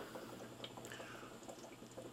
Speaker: here we can see the bubbling is four CM below the surface of the water 4 cm of water pressure that's the simplest concept of CPAP